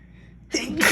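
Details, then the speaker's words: One sharp, wet, messy-sounding sneeze after a quiet in-breath; ticklish itchy sneezing after the gym, with congestion following. "Wow, that sounded weird and messy. Probably because it was messy."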